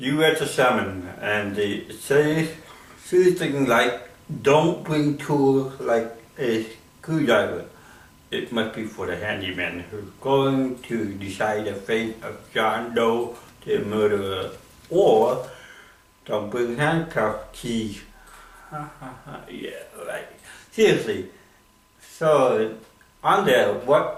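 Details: Male comedian with cerebral palsy performing stand-up; dysarthria (cerebral palsy).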